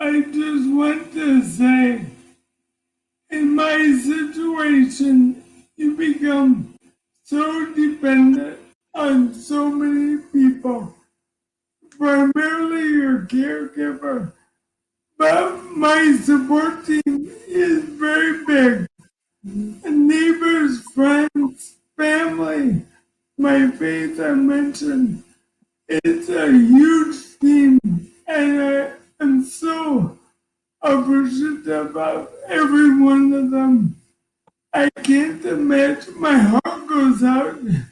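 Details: Man diagnosed with ALS in 2019 at age 54, who says ALS is taking a toll on his voice and he can be hard to understand; dysarthria (ALS).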